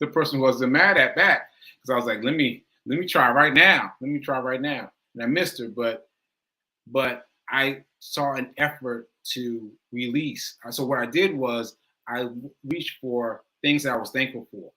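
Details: Male with aphasia, which he says is affecting him today, losing track of his point; word repetitions; aphasia.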